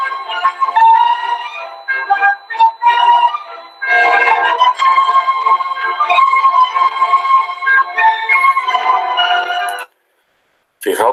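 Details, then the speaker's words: Tinnitus simulation: a classical music piece with a steady high-pitched whistle superimposed, imitating how people with tinnitus hear it. "las personas que tengan esto lo escuchan con el pitido superpuerto"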